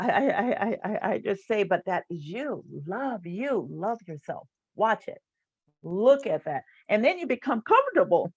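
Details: Stuttering in an adult woman who stutters, a stuttering support group leader.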